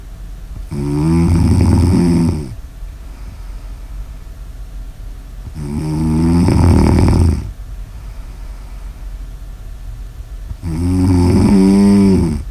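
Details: Snoring ASMR audio recording: loud, rough snores on each breath in, about 12 a minute, with quiet pauses between them.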